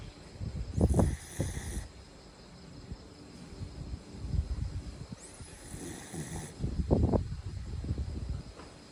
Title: Snoring time with a cute dog